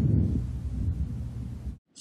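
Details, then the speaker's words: Normal vesicular breath sound heard with the stethoscope diaphragm over the anterior chest intercostal spaces: soft, low-pitched rustling through one complete respiratory cycle. "Listening for one complete respiratory cycle. Here is a normal vicular sound."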